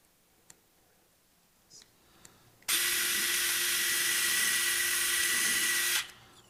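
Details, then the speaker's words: Surgical power drill driving proximal locking screws into a posterior fibula plate after removing temporary olive wire, ankle fracture fixation: a few faint clicks, then a steady high whine about three seconds before stopping. "lastly I will remove my proximal temporary fixation Olive wire and fix it with locking screws proximately"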